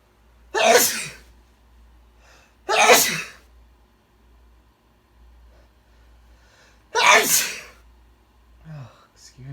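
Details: Male sneezing: three loud, explosive sneezes in quick succession in a quiet room; an ordinary bout of sneezing.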